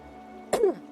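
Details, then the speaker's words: Adult streamer with a persistent cough attributed to heavy talking for work and seasonal allergies, not a cold: single short throat-clearing cough with a voiced tail over background music. "so sorry you'll hear me cough a lot my throat is in bad condition from the amount of talking that I do"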